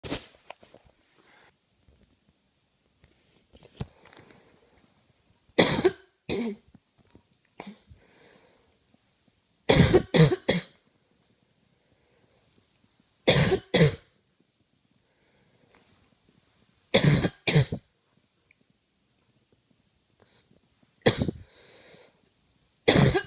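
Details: About a dozen sharp, explosive coughs in short bouts of one to three, separated by quiet pauses.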